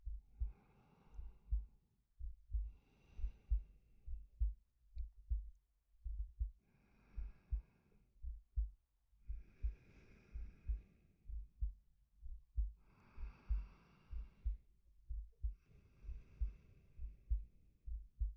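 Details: Steady low heartbeat thumps, about 65 a minute, under slow audible breaths from a male, ASMR sleep-aid recording; normal heartbeat with breathing.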